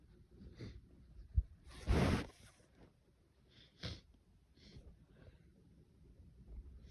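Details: Sneezing fit, felt intense at the start, some sneezes stifled; one loud sneeze, then a smaller stifled sneeze with soft breaths and sniffs in a quiet room.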